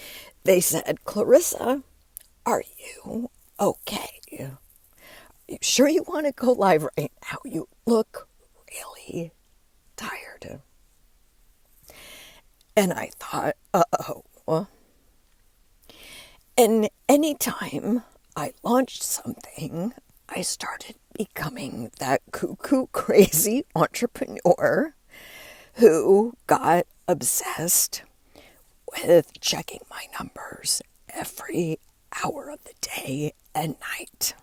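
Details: Spasmodic dysphonia in an adult woman, diagnosed after her voice started to go and words barely came out while speaking at an event; she links it to stress and says it is still audible as she works through it.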